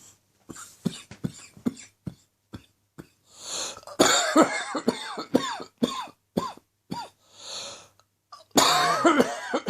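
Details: Morning chesty cough, less than an hour after getting out of bed: repeated bouts of loose, rattly coughing broken by deep, noisy in-breaths; a productive cough.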